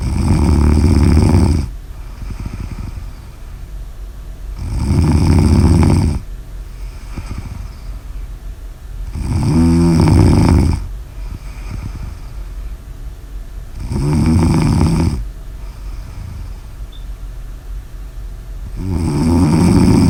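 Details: Sleeping person snoring: loud, low, rumbling snores on each breath in, about 13 a minute, with quieter breathing between.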